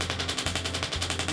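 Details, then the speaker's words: Radial shockwave device applied to the quadriceps muscles of an active patient with knee pain from patellofemoral arthritis: rapid rattling percussive bursts with a low motor hum. "this is going to be applied to some of the muscles that go into the knee so pretty much your quad your additional quad muscles"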